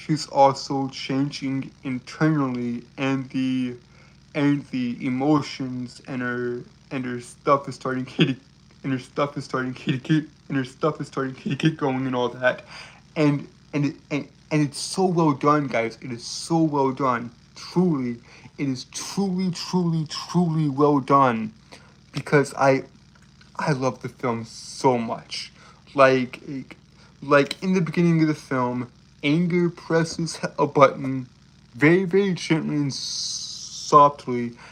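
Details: Adult man who reports a speech impediment causing stuttering and tripping over his words. Finding: stuttering.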